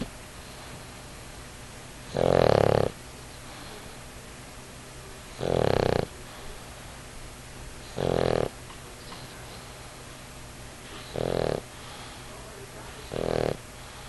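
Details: A 50 lb pug sleeping cuddled on his dad's knee gives five rumbling snores about two to three seconds apart against a quiet room hum; snoring.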